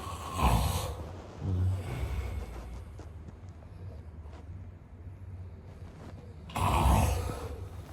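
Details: Snoring sound-effect recording of a man sleeping: low rumbling snore bursts with a snorting quality, separated by quieter breathing.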